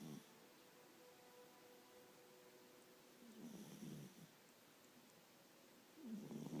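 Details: Cat snoring softly, with low rumbling breaths roughly every three seconds over a faint room hum; snoring.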